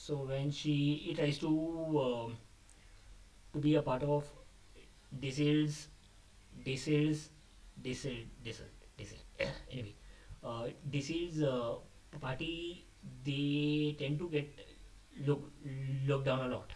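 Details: Adult male who describes himself as a stammerer, speaking off the cuff after abandoning a script, which he says increased his stammering; stuttering.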